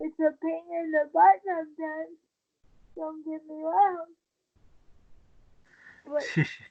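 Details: Dysarthria in a 23-year-old woman with cerebral palsy since birth after premature birth at 27 weeks, a more advanced form affecting the brain's balance centre; she uses a wheelchair and links her prematurity to the stability of her speech.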